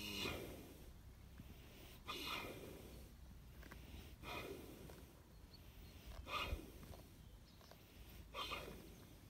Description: Fuzzy 20yrs old having a deep doze